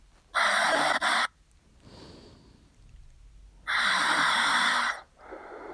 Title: شاهد شخير صديقي تحشيش هاذا الفيديو مختلف